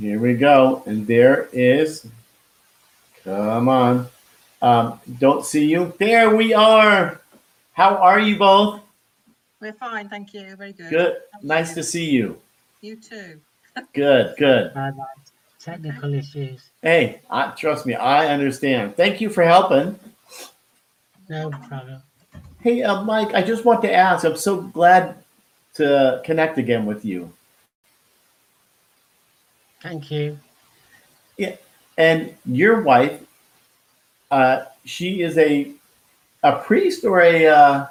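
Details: Man who had a stroke at age 49 and could not talk at first; he still loses words and says he was told it is expressive aphasia; finding: expressive aphasia.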